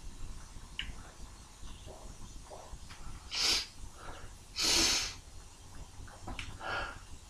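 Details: Sneezes induced by tickling the nose, forceful, though the mic does not capture their full explosiveness: quiet breathing and sniffs, then two loud hissing sneeze bursts and a smaller third.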